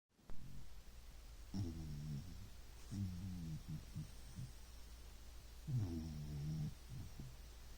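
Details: Snoring during sleep: low, rumbling snores with a faint purring quality, about three in eight seconds, over steady low room hum.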